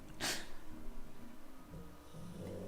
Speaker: Paint says I can hear the boy snoring. Yeah, my doggo is doing the big snore.